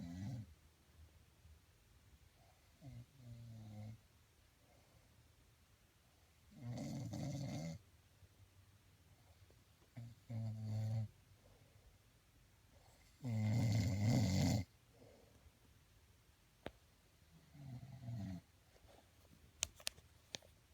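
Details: Low rumbling snores in irregular bursts on breathing in, with quiet gaps between them and a few faint clicks near the end; snoring.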